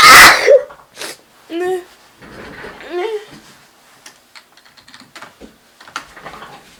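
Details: Person feeling very sneezy: one loud, explosive sneeze at the start, then laughter and brief talk in a small room.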